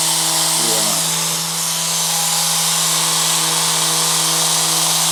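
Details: Steady mechanical buzz of a handheld percussion massager running continuously, with a brief voice at the start, during a chiropractic visit for TMJ jaw clicks and severe back pain.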